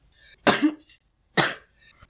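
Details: A person who is sick and feeling miserable, mentioning cough syrup, in a compilation of old recordings of their cough. Two sharp, harsh single coughs about a second apart in a quiet room.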